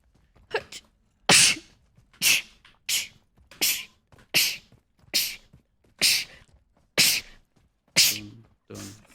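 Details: Female streamer sneezing: about ten sharp, explosive sneezes in quick succession, each a sudden hissing burst of air.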